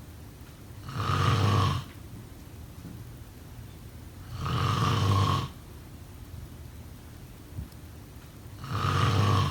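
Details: Three deep, rattling inspiratory snores, about 16 a minute, with quiet breathing between; ordinary snoring.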